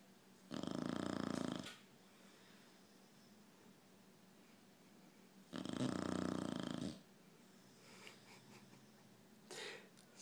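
Two long, rattling snores about five seconds apart, quiet room between them; ordinary snoring.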